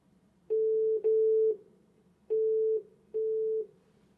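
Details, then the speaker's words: Olympus ESG-410 electrosurgical generator for open, laparoscopic and endoscopic surgery: activation tone, steady mid-pitched half-second tones sounding four times with short gaps, demonstrated while adjusting activation volume in the settings menu. "pressing on the settings icon brings you to the settings setup by pressing plus or minus buttons you can adjust the volume of activation"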